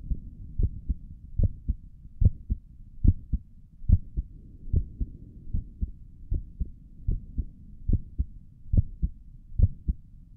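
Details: ASMR recording of the creator's own heartbeat through a stethoscope on the chest, stomach gurgles also present: steady, clear, regular paired lub-dub beats at about 70 a minute; normal heart sounds.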